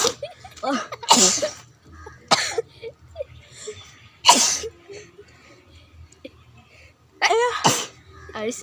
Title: Sneezing challenge 😂🤩😜😁